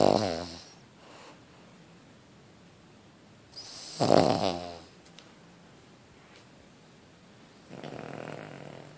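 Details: Cavalier King Charles Spaniel sleeping: irregular rattling snores a few seconds apart with quiet gaps between; snoring.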